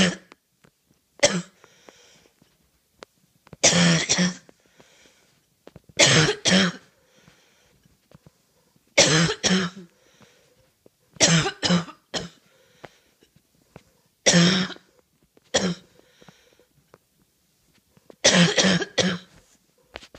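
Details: Person with a bad cough having a little coughing fit: repeated harsh coughs in short clusters with quiet pauses between.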